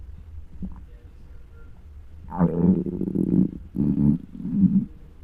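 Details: Low, drawn-out gurgling growls in a few long bursts, recorded with a microphone on a very hungry adult's belly: borborygmi, loud normal hunger stomach growling.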